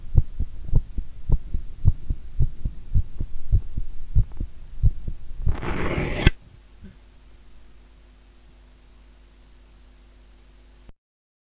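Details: Heart sounds recorded during squats: a quick regular heartbeat at about 100 a minute that spaces out and slows toward the end when the person bent forward, then rustling.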